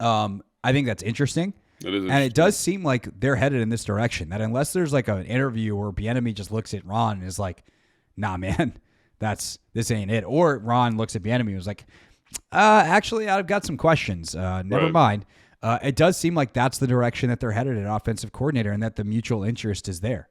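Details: Adult male speaker; normal voice.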